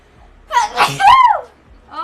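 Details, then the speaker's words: Female sneezing during a livestream after saying she needs to sneeze: a single loud, explosive sneeze with a sharp in-breath and a voiced burst, described afterwards as freaking loud. "my gosh, that was freaking loud."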